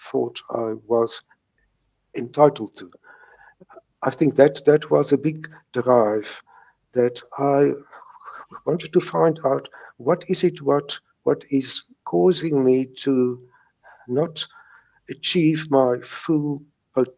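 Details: Stuttering in a South African retired man in his 70s, present since age three, now with mild residual blocks.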